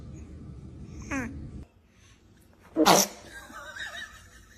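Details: A baby gives a small squeal, then a single sharp, high-pitched sneeze, with soft room noise around it.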